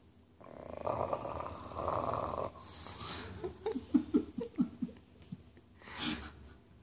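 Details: Talisker, a male tricoloured English Bulldog, asleep during an evening nap: rough, rattling snore with snorting breaths; snoring.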